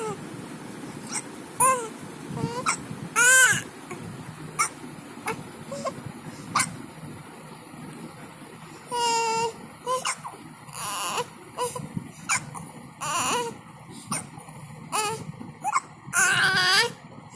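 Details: One-month-old baby with hiccups; short, fretful cries and whimpers broken by brief catches over steady room noise: infant cry.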